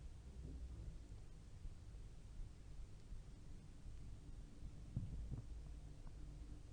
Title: Babs Bunny's stomach growling